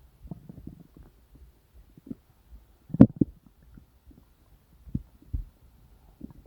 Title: Stomach Rumbling sounds | real digestive noise & satisfying